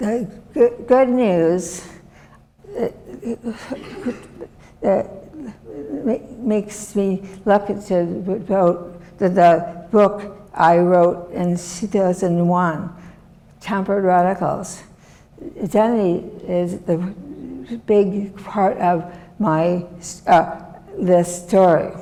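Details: Woman, former professor, with aphasia and right-sided disability since a severe stroke in 2010; aphasia.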